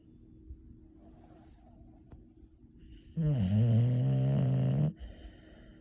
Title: My dog snores.